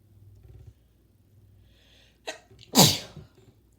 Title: Wet sneeze